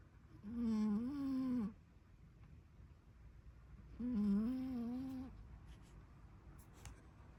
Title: Snoring cat